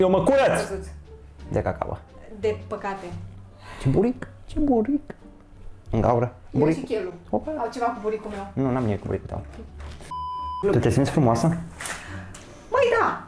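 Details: Man with Tourette syndrome speaking Romanian while cooking, with repeated obscene vocal tics (coprolalia).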